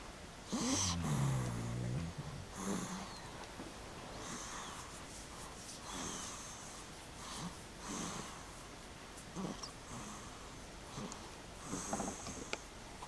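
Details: A girl and her father snoring during REM sleep: irregular snorting, rattling snores with softer noisy breaths between, about 10 breaths a minute.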